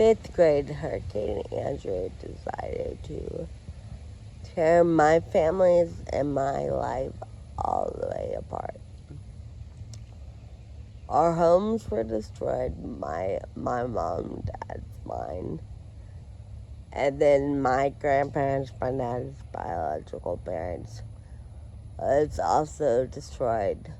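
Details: Adult woman with Friedreich ataxia who uses a wheelchair and has scoliosis with spinal rods; her speech may need captions to follow; ataxic dysarthria.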